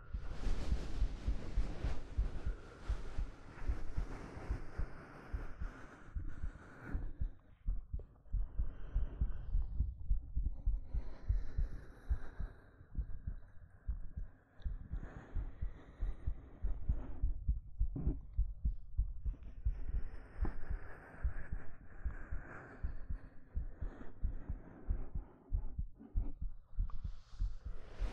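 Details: Simulated ASMR hug roleplay recorded on a 3Dio binaural microphone: a soft, low, muffled heartbeat thumps close up, partly masked by rustling fabric and stroking sounds.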